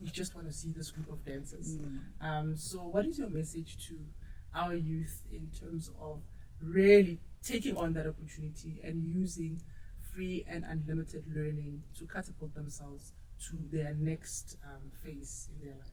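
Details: Adult speaker; normal speech.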